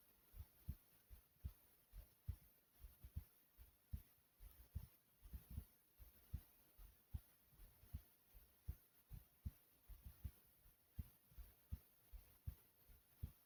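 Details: Own heartbeat recorded thumping slower than usual but still pounding: steady deep paired thumps at roughly 75–80 beats a minute over low room hum; regular, normal heartbeat.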